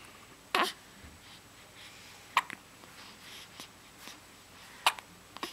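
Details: A baby who gets hiccups about twice a day: three abrupt, sharp hiccups about two seconds apart in a quiet room; hiccups.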